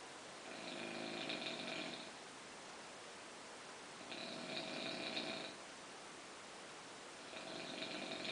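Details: Snoring during sleep: three rough, fluttering inhaled nasal snores, each over a second long, about every three seconds, with steady room hiss between.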